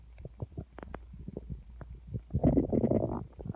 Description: Getting a little empty in there. Could feel it rumbling against my hand.